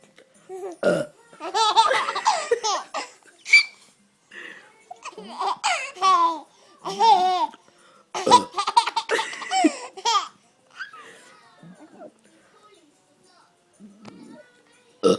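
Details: Young child giggling and laughing at burps: short burp-like sounds mixed with laughter; ordinary playful burping.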